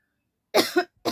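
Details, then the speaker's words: Cough during a coughing challenge that began as imitation while pretend-eating and turned into real coughing: two harsh coughs, the first a double burst, then the start of a third. "यार झूठ मूठ का खाते खाते मुझे सचमुच का खासी आ रहा है अभी"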